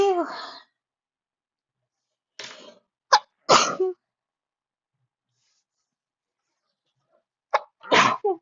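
Repeated sneezes with quick inward catches before them, about five sneezes in eight seconds, a sneezing fit.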